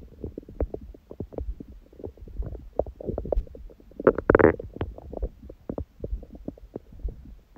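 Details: Own belly after eating and after abdominal exercise; the first meal was a large one at 16:00 after water-only fasting since 19:00 the previous day, on a raw-food diet. Frequent gurgles, pops and rumbles, louder gurgling burst midway: active normal bowel sounds.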